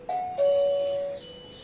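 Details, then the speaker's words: Wireless hospital nurse call system demo: two-tone falling electronic chime over faint room noise as bed number one makes a nurse call, then a housekeeping call; nurse call alert. "bed number one is making a nurse call same bed is making a housekeeping call"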